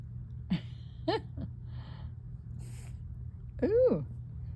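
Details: Calico cat chirps, stretches and sneezes while relaxed at home.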